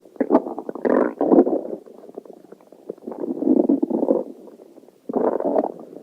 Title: Stomach Growling